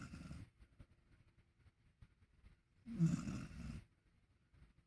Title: Barney snores like a middle aged man